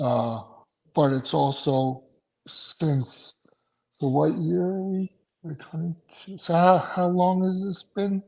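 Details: Aphasia in an adult male after two strokes in November 2017, with short-term memory problems, right-sided weakness, an unusable numb right hand and ten seizures since the strokes.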